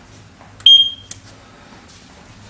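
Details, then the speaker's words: A single high-pitched electronic alarm beep from a Siare transport ventilator, switched on with the oxygen cylinder closed, signalling oxygen supply failure. "зараз Я включив прилад балон закритий тобто немає подачі кисню бачите червоний сигнал тривоги подача кисню"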